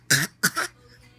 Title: Babies fake cough